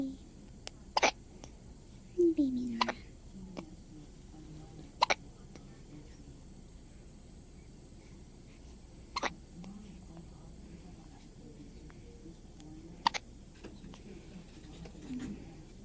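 Sharp, brief catch sounds recur irregularly over quiet room noise, about five in sixteen seconds, fitting hiccups.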